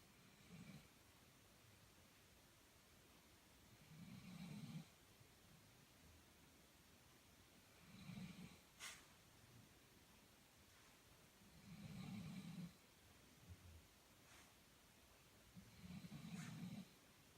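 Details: Low rumbling snores about every four seconds, roughly 15 a minute, from a sleeping dog, with faint room noise and occasional clicks; snoring.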